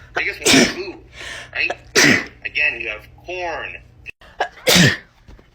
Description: Short sneezing compilation